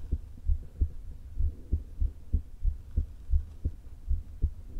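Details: Woman recording her own heart through a low-placed stethoscope before open heart surgery: fast, irregularly spaced heartbeats near 180 a minute with a low rumble between beats, stomach rumbles present; atrial fibrillation with a leaking valve.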